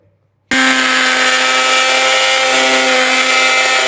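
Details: Orthopedic removal of a hard leg plaster cast from a patient who broke a leg bone falling during training: a loud, steady high-pitched motor whine starts abruptly and runs continuously as the cast saw cuts the plaster.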